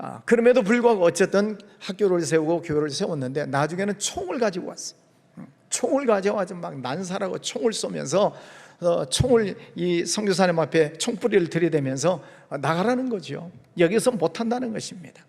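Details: Adult male speaker; Normal voice.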